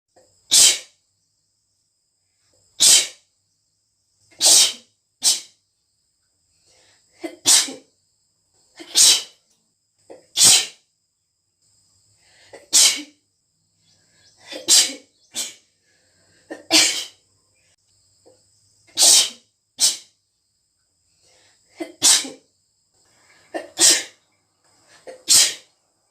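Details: Girl's sneezing fit: a run of about sixteen sharp, forceful, wet, rapid sneezes, several preceded by a quick catching inhale.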